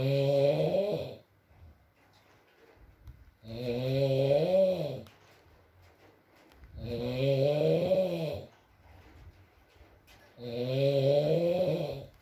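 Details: ASMR recording of a sleeping man (boyfriend) snoring, with rain in the background: loud, rattling, tonal snores at about 17 breaths a minute with quiet pauses between them, faint room noise; snoring.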